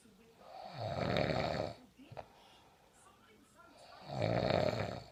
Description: My gem snoring